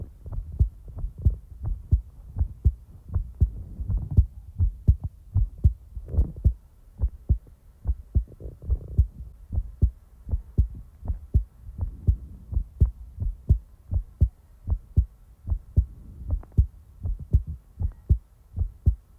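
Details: Steady paired low thumps at about 80 beats a minute, an ordinary regular heartbeat recorded for ASMR in real time; normal heartbeat.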